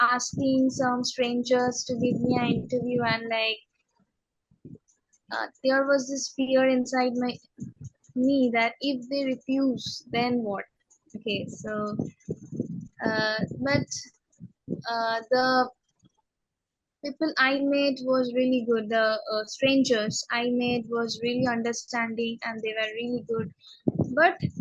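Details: Adult woman who stammers, interviewed in a podcast; stammering (stuttering).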